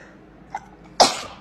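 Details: A single sneeze from a K-pop idol sneezing compilation: a short catch of breath, then one sharp, hissing burst of air.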